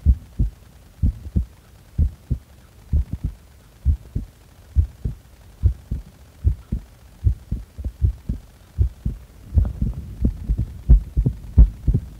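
Regular low thumping heartbeat, about 88 beats a minute, with no breath noise while the breath is held.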